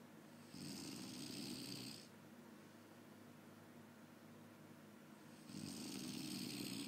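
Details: Adult snoring loudly after too much drinking: rough, rattling inhaled sounds about 12 breaths a minute, separated by quieter exhalations.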